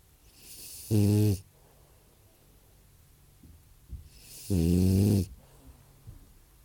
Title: Boss Snores